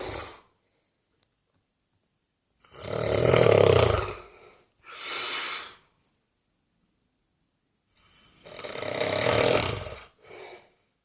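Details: Older man drifting slowly off to sleep on Christmas day, with loud, rough snores alternating with noisy out-breaths and silent pauses between; snoring.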